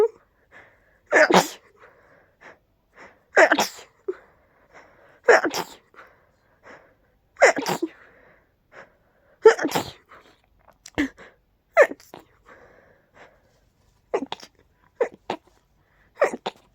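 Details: Person very allergic to pollen: about eight forceful sneezes in a row, each preceded by a sharp in-breath, then a few softer sneezes.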